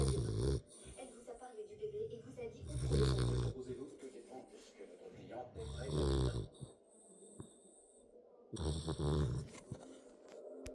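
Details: Boxer dog snoring while asleep: loud, low, rumbling snores about every three seconds with quieter breathing between.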